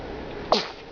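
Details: A small sneeze from a male who is moving his arms ("tai chi") and sometimes eats his hands: a single short, sharp burst of air over quiet room noise.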